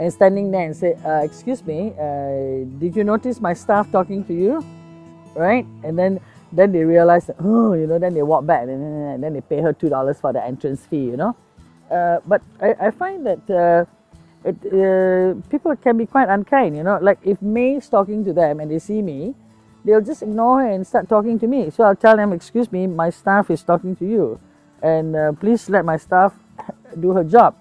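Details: Adult woman speaking; ordinary speech.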